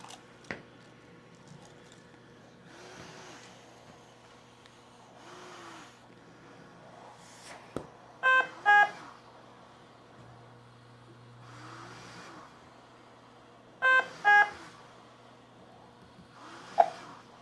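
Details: Soft airflow rushes of machine-delivered breaths through a mask with a bacterial filter, about 11 a minute, occasional alarm beeps; Respironics V60 non-invasive ventilator demonstrated on a respiratory therapist, not a patient.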